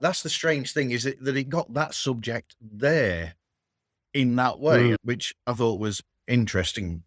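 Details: Aphasia after a sudden stroke in a man treated with speech and language therapy.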